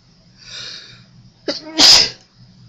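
A quick indrawn breath followed by one sharp, hissing sneeze, with faint hum in the background; an ordinary sneeze.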